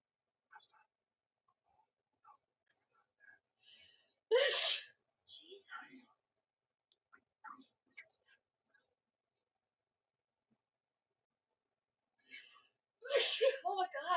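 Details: Looped 6.5-minute edit of a woman's sneezing fit: several loud sneezes in quick succession with softer breathy sounds, snorts, and exclamations between them.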